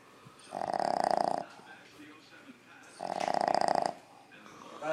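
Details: Sleeping dog in bed: two loud, buzzing, fluttering snores on in-breaths about three seconds apart in a quiet room; snoring.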